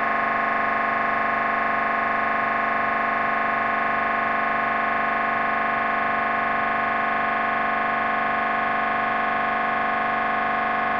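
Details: MRI brain scan: loud, steady buzzing drone with rapid regular pulsing, the gradient noise of the scanner during a scan.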